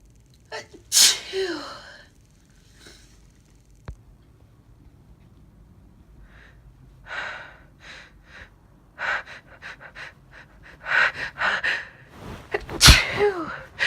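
Several sharp sneezes, some preceded by quick catching inhalations, in a short series; ordinary sneezing.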